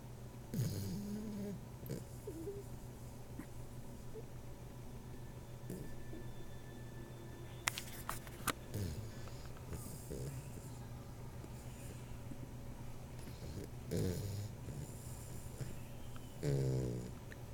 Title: Snore Dog